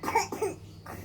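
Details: Two short, moist coughs from an infant with a cough and cold, followed by a softer breathy sound, in a quiet room during traditional baby massage to clear mucus; infant cough.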